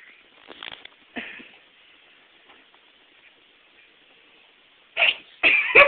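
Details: Cat named Meeko: mostly quiet with faint snuffles, then a quick run of short, sharp, hissing bursts near the end; cat sneezing several times.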